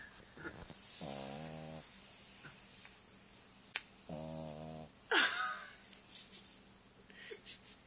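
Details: Dog snoring while asleep: two buzzing, nasal snores with rustling and squeaky sounds in between, in a noisy room.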